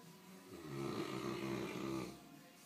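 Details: Sleeping Greater Swiss Mountain Dog, nicknamed "snore bear," snoring: one long, buzzing, rumbling breath sound.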